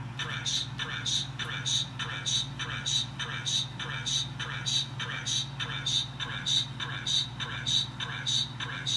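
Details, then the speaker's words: Training AED voice prompts (analyzing heart rhythm, do not touch the patient) over a steady pulsing beat near 100 a minute, in a simulated adult CPR and AED return demonstration by a student; automated external defibrillator prompts. "a AED will analyze the heart electrical Rhythm and will give a voice from analyzing the heart rhythm do not touch casually and upon hearing that stop chest compression and do not allow the others to touch casualty"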